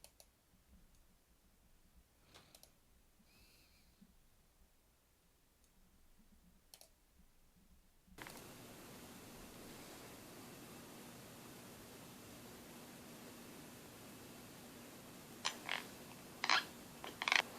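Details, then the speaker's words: Sleeping child in pediatric sleep study (polysomnography) recording: scattered gritty clicks and grating bursts as she chews and grinds her teeth, audible sleep bruxism. "Those aren't rocks, those are her teeth that she's chewing."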